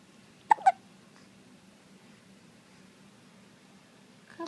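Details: 7-week-old baby girl with hiccups: two quick, sharp hiccup sounds close together, then quiet with faint room hum.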